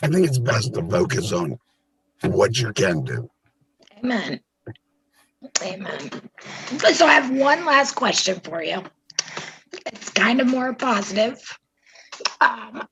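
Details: Adult speaker; normal voice.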